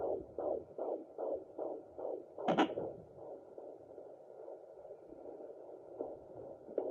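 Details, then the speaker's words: Fetal heartbeat on a Sonoline B home Doppler, mother lying horizontal, probe low on the belly: fast, regular whooshing pulses near 150 a minute, likened to a galloping horse, then lost after a probe scrape as the active baby moves. "so you see how it sounds like a horse running"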